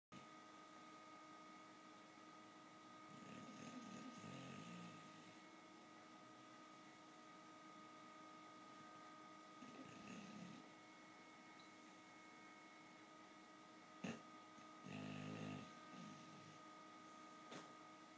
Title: Max, the Snoring bulldog